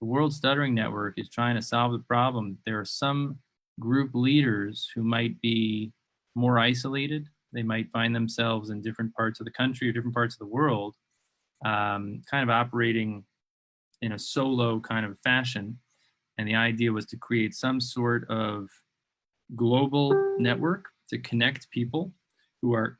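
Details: Adult male speaker; ordinary speech.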